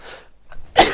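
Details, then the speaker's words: A young woman who says she is sick warns she is about to sneeze and blow her nose, then gives a short breathy intake and one abrupt explosive sneeze. "Ребята, я болен, простите меня, я сейчас чихну, я сейчас высморкаюсь."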